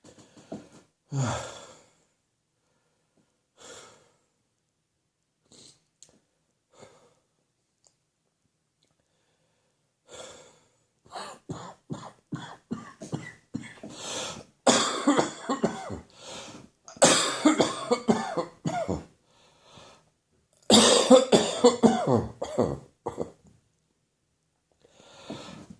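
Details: Adult morning coughing fit as overnight throat catarrh runs into the chest, during a slowly improving cough: scattered coughs building into a long run of harsh, loud coughs with gasping breaths between; productive cough.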